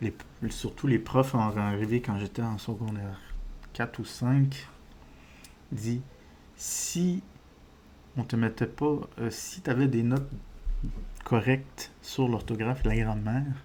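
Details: Adult male with diagnosed ADHD, disfluency he says resembles stuttering but is not stuttering, linked to wanting to speak faster than he can express himself: speech disfluency (stuttering-like)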